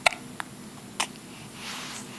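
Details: Emmy saying "hi" while having hiccups: three brief, sharp clicking catches within about a second over quiet room noise; hiccups.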